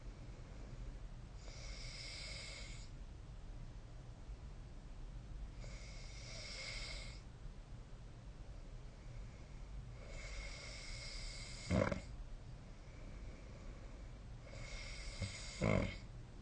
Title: 🐽 いびきの音 / Snoring Sleep Sound 2025/05/28